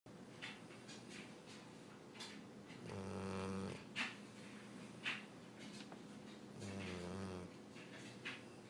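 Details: Two loud, drawn-out, rumbling snores with softer snuffling breaths between them from a dog sleeping in a quiet room; his nightly snoring.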